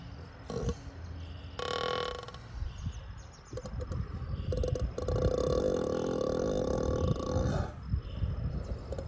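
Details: Ox (steer) on a farm in heavy sleep snoring: deep, rumbling, rough noises with drawn-out growling stretches, outdoor background noise; snoring.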